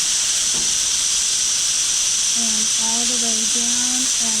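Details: Magnetostrictive ultrasonic scaler used on a typodont, mandibular anterior sextant, clinician at 9 o'clock, dental hygiene training demo: steady loud high-pitched hiss with a voice explaining underneath.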